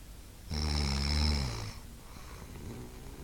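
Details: A friend snoring during sleep, keeping the recorder awake: one loud, deep, rattling snore lasting over a second, followed by quiet breathing.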